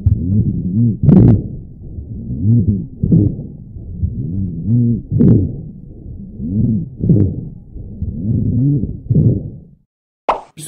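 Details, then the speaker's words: Rhonchi, described as continuous and more prominent on expiration, arising from narrowed or obstructed airways or mucus buildup, as in asthma or COPD: low-pitched, snore-like continuous sounds with each breath. "genellikle Hava Yollarında daralma veya tıkanıklık olduğunda ortaya çıkar astım koa yani kronik obstrüktif akciğer hastalığı gibi hastalıklarda sıkça duyulur ronküsler hava yollarındaki nukus birikimi veya şişme nedeniyle de oluşabilir"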